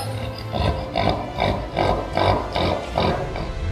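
A dog makes rapid, repeated snorting inhalations, a reverse sneeze from a spasm of the soft palate.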